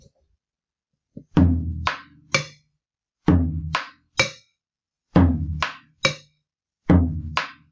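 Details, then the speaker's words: Drum-and-bell teaching imitation of an opening snap: a low thump, a sharper note, then an early crisp snap, repeating; shown as a differential to split sounds and S3. "¿Y cómo se escucharía el chasquido?"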